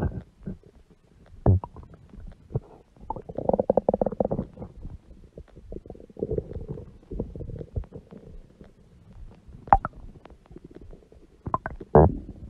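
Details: Woman's huge belly stomach growling: irregular gurgling and rumbling bursts with short squeaks, stomach growling from gas and fluid moving through the gut.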